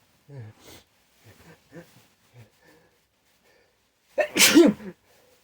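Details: Sneeze induced by chhinkni after white pepper up the nose burned without producing a sneeze: several soft catching breaths and sniffs build up, then one loud, explosive, snotty sneeze.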